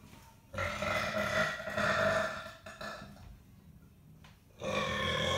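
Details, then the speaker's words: Two long, loud, rumbling belches separated by a pause, after just drinking a glass of water; ordinary burping. "wait how is that possible you just had a glass of water yeah to Bel it all up oh my God okay it just turns to Vapor in your stomach"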